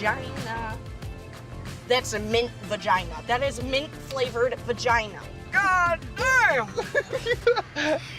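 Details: Young woman with an extreme form of Tourette syndrome blurting obscene words while riding in a car; vocal tics with coprolalia (Tourette syndrome)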